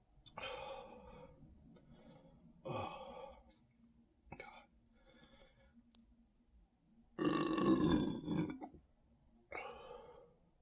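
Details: Several loud, drawn-out standing burps with quieter grunts and breaths in a small room after drinking more Sprite; reports feeling very full and tight; repeated belching.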